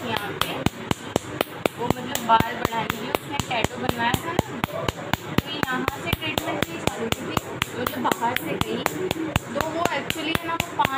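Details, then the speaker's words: Sharp snapping clicks about four a second with talk and music behind; Nd:YAG laser pulses during tattoo removal. "में एक ऐसी एक और video में दिखाने वाला हूं और इसमें एनडी याग लेजर से कैसे हम लोग और टैटू हटाते हैं इसके बारे में दिखेंगे"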